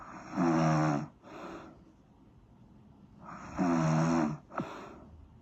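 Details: Two loud rattling snores on the in-breath, each followed by a softer out-breath, in a quiet room; ordinary snoring.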